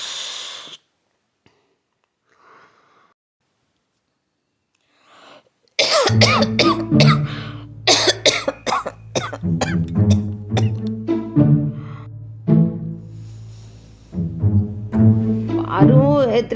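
Repeated harsh, voiced cough bursts over background music, acted for a comedy skit.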